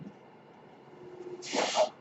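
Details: Podcaster who uses a ventilator while speaking: a low steady hum, then a brief breathy rush of air in a pause between phrases, one mechanical ventilator breath cycle.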